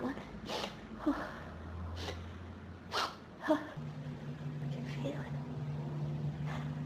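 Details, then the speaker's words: Sneezing fit in an adult with pollen and dust allergies since about age 14, triggered by room dust: several sharp sneezes in a row with breathy gasps between, over steady room hum; nose burning, keeps needing more sneezes; repeated sneezing. "My nose is on fire. I just can't sneeze all the dust out of it. I keep needing more and more sneezes."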